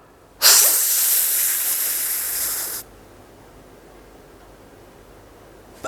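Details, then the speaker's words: Chest specialist demonstrating inhaler technique for asthma: mouthpiece sealed in the lips, pressed while inhaling, then breath held about 10 seconds; a single sharp two-second hiss, then quiet, from metered-dose inhaler actuation. "और जैसे ही सांस आप अंदर ले ले तो इसको दबाएं ताकि इसकी दवाई जो है आपके पपड़ के अंदर चली जाए"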